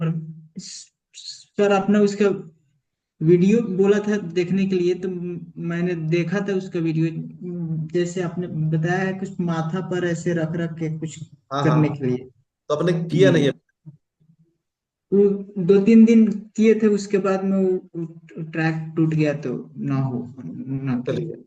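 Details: Adult male in an online stammering-therapy class with stuttering (stammering); he reports much improvement over about a year of therapy but still has blocks, mainly on words starting with vowel sounds.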